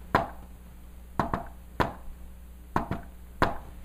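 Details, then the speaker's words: Tapped imitation of a fourth heart sound (S4 gallop): a soft extra beat falls just before S1, in a "Tennessee" cadence. "now x 4 is so close to ask one that when i do real of fashion right everybody noticed look a bit since it sounds like Tennessee Tennessee Tennessee Tennessee"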